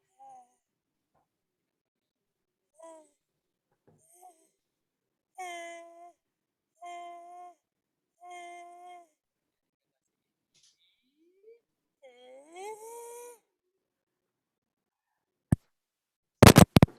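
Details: Right vocal fold paralysis with spontaneous compensation: the left arytenoid tips forward so the healthy fold closes against the paralysed one; compensated voice.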